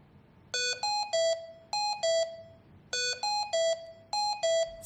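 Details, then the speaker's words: Hamilton T1 ventilator service test in SPONT mode with apnea backup ventilation disabled: repeated bursts of high-priority alarm tones after the set apnea time passes with no breath; apnea alarm. "Wait for the set apnea time, then verify that the apnea alarm is activated."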